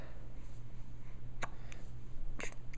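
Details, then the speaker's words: Person with hiccups in a joking home recording; three brief, sharp catching sounds over a steady low room hum: hiccups. "in peace I come with hiccups take me to your leader"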